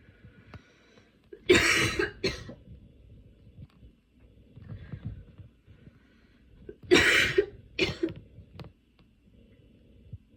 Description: i caught a cold and besides the runny and blocked nose a cough came included, while trying out aroma inhalation this little fit came along, got my lungs rly painful!